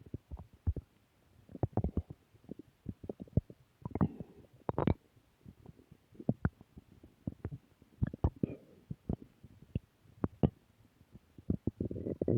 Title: Return of stomach growl 2